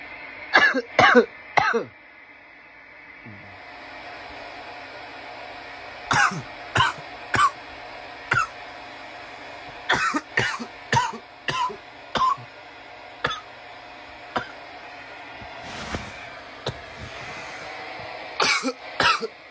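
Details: Coughing fit after inhaling bong smoke: repeated harsh, dry coughs in clusters over about twenty seconds, with steady room hum behind.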